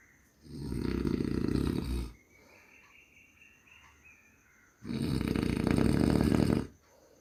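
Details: Two loud, rough, rattling snores from a human on the in-breath, each about two seconds long, with quiet breathing between; snoring.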